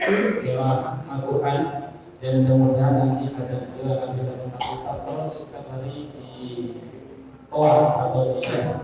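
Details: Adult male speaker; no voice disorder.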